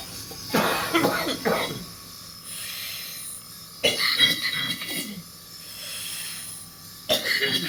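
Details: Repeated harsh, wet coughing bouts with short pauses, music in the background, from a man with cystic fibrosis and seriously impaired lung function. Chronic productive cough of cystic fibrosis.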